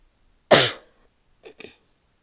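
One loud, harsh, barking cough with a wet, rattly edge, then two smaller coughs.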